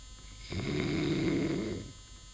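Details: Snoring: one loud, rough, rattling snore lasting over a second, rising out of quiet room noise; described as breathing with all holes closed.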